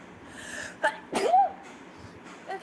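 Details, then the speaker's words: Girl in a rapid repeated-sneezing fit while talking, wearing a witch hat she suspects is triggering it: a short in-breath, then a sharp explosive sneeze with a brief vocal tail. "oh my gosh okay I'm going again oh my gosh okay I'm alive"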